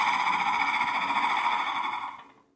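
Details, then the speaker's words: Flutter valve (PEP device) demonstrated for airway clearance in cystic fibrosis, creating back pressure to loosen secretions: a steady, rapid buzzing rattle during one long exhalation, fading as the breath ends. "This is something that the client blows into to create back pressure into the lungs that loosens the secretions. And it looks and sounds like this."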